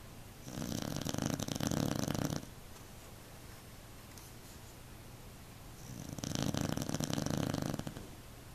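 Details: Beagle snoring so loudly the couch vibrates, driving another pet off: two long, buzzing, rattling snores on breaths in, separated by a quiet breath out.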